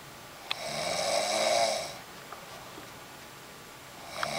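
One rasping, fluttering snore on an in-breath, followed by quiet, then a second snore starting at the end.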